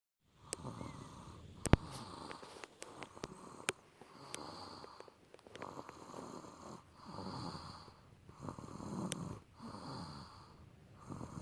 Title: Snoring